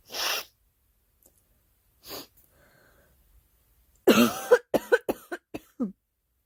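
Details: A girl gives a few separate coughs, then a run of about six quick coughs in a row.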